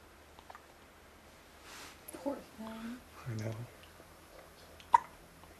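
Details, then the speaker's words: Baby with hiccups that keep him from falling asleep: a few short, abrupt voiced hiccup catches with soft fussing in a quiet room. "Can't even fall asleep. He's got the hiccups. I know, it's keeping him awake."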